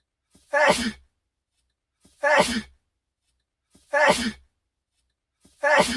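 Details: One sneeze looped four times about every 1.7 seconds: brief catch of breath, then a sharp burst; sneeze.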